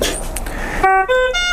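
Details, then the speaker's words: Ventilator high-peak-pressure alarm, repeating steady electronic tones after rustling, during respiratory therapist's setup demonstration ventilating a small test lung; alarm prompts checking for secretions, dislodged tube, or clogged HME. "and the peak pressure is gonna be high also because this is such a small thing to ventilate notice your alarm at the top peak pressure"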